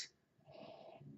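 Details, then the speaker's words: A quiet click, then a rough, breathy rumble through the nose and throat as a female dog snores loudly in the background of a quiet room. "So, sorry if you can hear one of my dogs is snoring quite loudly in the background. So hopefully she's not too loud."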